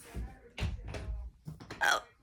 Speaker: My hiccups are here. I know you guys wanted me to give you this hiccup video and it's and it's here.